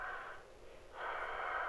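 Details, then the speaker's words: Acted, simulated heavy breathing over a phone line in a comedy skit: two loud, rasping breaths, one in and one out; noisy breathing. "I just got this really weird call um there's nobody on the phone but all I can hear is breathing"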